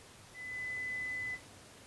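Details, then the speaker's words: Pure-tone air conduction audiometry test tones for an adult client with difficulty hearing in background noise; intensity decreased in 10 dB steps in an unpredictable rhythm until no response, then raised in 5 dB steps until a response. "The level is then decreased in intensity by increments of 10 decibels, making sure the tones are not presented in a predictable rhythm or pattern until the client no longer responds."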